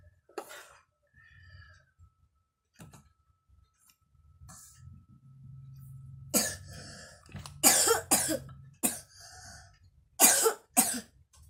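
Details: Child with a cold and runny nose gives several sharp, loose coughs and throat-clearing sounds while playing with wooden blocks, with quiet pauses between bursts.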